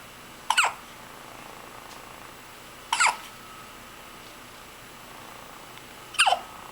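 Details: Three brief, sharp hiccup sounds a few seconds apart, about 18 a minute, from a subject recorded hiccuping and yawning; hiccups.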